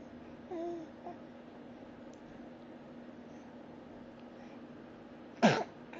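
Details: Quiet room, then a single short, sharp burst near the end, consistent with one sneeze; sneezing.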